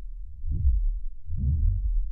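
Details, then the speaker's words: Normal elephant heartbeat: two deep, low, muffled thuds about a second apart. Very slow; same four-chamber heart as humans. "And that's what it sounds like. So that is the heart of an elephant."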